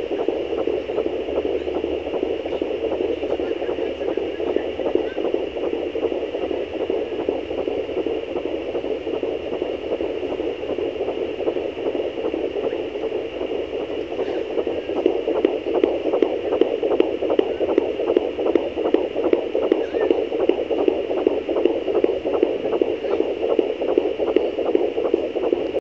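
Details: Rapid whooshing fetal heartbeat at about 150 beats a minute over steady device hiss, recorded on a fetal Doppler at 13 weeks of pregnancy.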